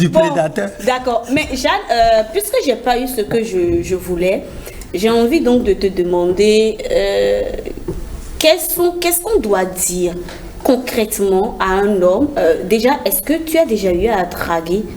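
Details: Adult woman speaking French; ordinary speech.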